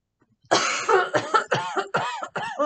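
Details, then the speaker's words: Simulated patient reporting difficulty breathing takes a deep breath, holds it and gives a strong voluntary cough on request during a respiratory therapist's demonstration of an albuterol inhaler with spacer. A strong cough is followed by shorter voiced coughing bursts. "i want you to take a nice big deep breath for me deep as you can hold it for a second and give me a big strong cough"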